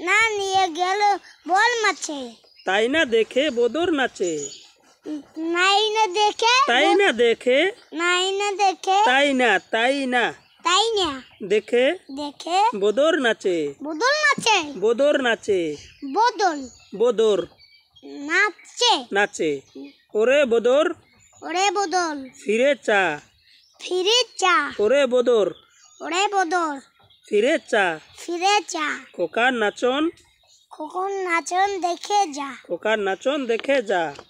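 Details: Young child stuttering while reciting a rhyme; stuttering.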